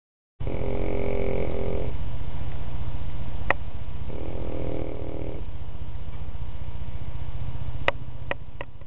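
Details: Two buzzing, rattling snores about three seconds apart over a steady low hum, with a few sharp clicks; snoring.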